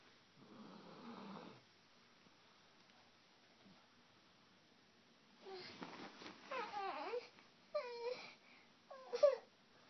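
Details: 21-month-old boy sleeping after falling asleep following his favourite book: soft rasping breath sounds with small vocal squeaks and babbling; light infant snoring.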